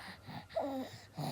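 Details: Baby with a cough whose voice is gone, per the mother, though the baby usually likes to shriek; infant aphonia (loss of voice).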